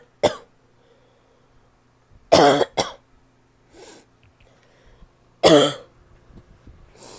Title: barky cough (f)